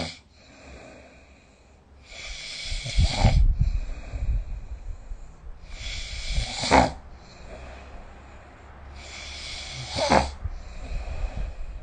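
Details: Adult snoring during sleep, recorded with the SnoreLab app: three loud rattling inhaled snores about every 3.5 seconds, roughly 18 per minute, with quieter breathing between.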